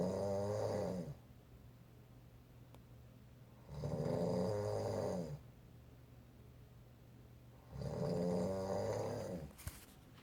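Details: Olympus snoring loudly at night while asleep, recorded from the opposite side of the room: three long, loud rattling snores separated by quiet pauses, about 15 breaths a minute; snoring.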